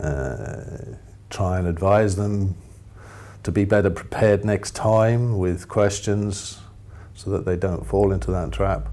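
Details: Adult man speaking; ordinary speech.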